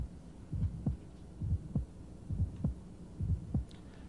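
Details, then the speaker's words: Ejection sound (ejection click), heard with the diaphragm along the left ventricular outflow tract from apex toward base, patient in left lateral decubitus: regular heartbeat about 67 a minute with a short, crisp, high-frequency extra sound just after the first sound. "it's gonna be heard best with a diaphragm and it really may be heard anywhere a long left ventricular outflow tract so anywhere apex is you move up towards the base you can hear an ejection sound"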